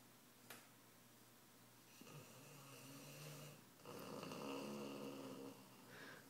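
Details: Soft rattling and whistling breath sounds with nasal snorting on the breaths, in a quiet room; a snorer sleeping, whose sibling does not snore; snoring.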